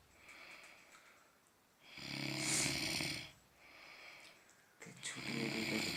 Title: Snoring like a train